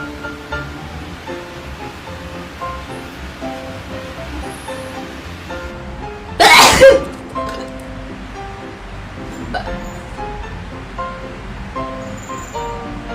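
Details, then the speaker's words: Young Taiwanese woman gives a single loud, sharp sneeze set off by a nasal swab test, over soft background music; she says sneezing is very uncomfortable; induced sneeze. "我打喷嚏，太难受了。"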